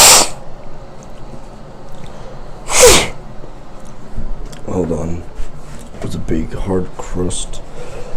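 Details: Person sneezing, self-recorded, with a nosebleed afterwards: two sharp, explosive sneezes, then a muffled voice and sniffing in a small room.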